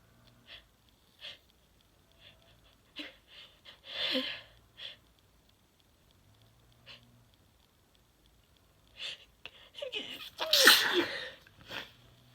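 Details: One forceful sneeze near the end after sniffs and short catching breaths, from a 21-year-old while trying to say "I'm gonna sneeze"; ordinary sneeze.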